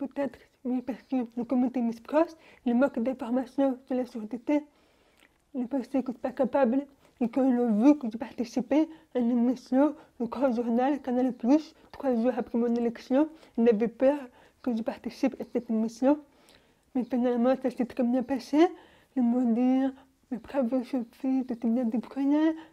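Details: Young French-speaking woman, deaf since birth, wearing hearing aids since birth and recently new ones, speaking orally while lip-reading. Deaf speech from congenital hearing loss.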